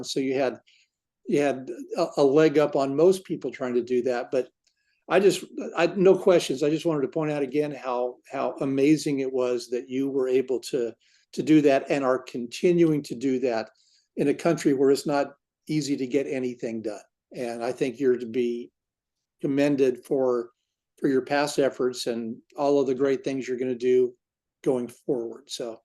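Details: Adult man speaking; ordinary speech.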